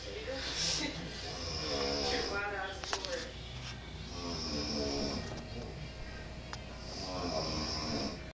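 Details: Someone snoring loudly: repeated rattling, snorting snores with hissy breath noise, about 23 a minute, with faint music and room noise in the background.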